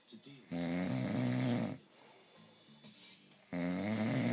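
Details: Loud, buzzing inspiratory snores about three seconds apart, softer breath sounds between.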